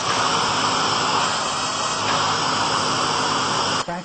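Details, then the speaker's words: Fractional CO2 laser skin resurfacing on a patient treating fine lines around the mouth and chest: steady loud hiss and hum of the running laser with smoke evacuator, stopping abruptly near the end. "CO2 is the the procedure okay it's it's there's lots of different lasers out there that do fractionated CO2"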